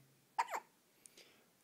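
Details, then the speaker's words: Baby with recurring hiccups: a sudden squeaky gulping sound, then a fainter second one; owner jokes the baby sounds like it swallowed a squeaky toy; hiccups. "you see a grace you have the hiccups huh what you gonna do about that"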